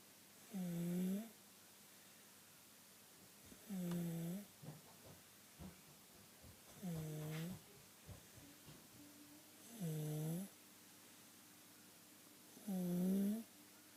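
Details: Sleeping child with continual inspiratory stridor: a harsh, high-pitched noise on every breath in, about 20 breaths a minute.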